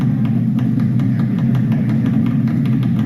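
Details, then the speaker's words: EMG audio from a normal control patient made to stand up, no spontaneous activity while sitting: steady rough rumbling static with scattered irregular clicks, no regular pulsing: normal interference pattern on standing. "This is a control patient. We want to see how does EMG look like when it's a normal patient is made to stand up. No spontaneous activity is sitting. This is the sound on getting up."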